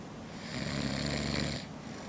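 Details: Adult man snoring asleep after drinking Scotch to celebrate a Stanley Cup win: a single rough, rattling inspiratory snore lasting about a second over quiet room noise.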